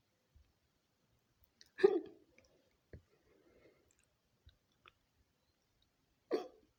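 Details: A woman's own hiccups, edited into a no-talking ASMR compilation: abrupt, short 'hic' sounds at irregular intervals, with quiet clicks and breaths between them; ordinary hiccups.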